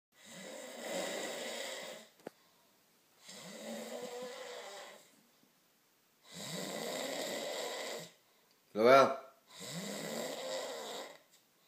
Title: The French man Snores